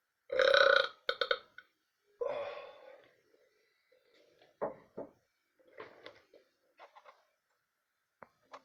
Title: Burping off my coffee